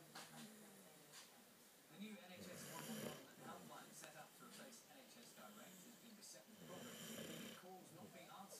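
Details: Sleeping, very tired female dog nicknamed Pig for her noises: rapid, rough, fluttering snorting breaths. Dog snoring.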